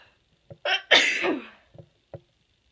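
A quick breath in, then one forceful explosive sneeze, followed by a few soft breathy sounds in a quiet room. An ordinary sneeze.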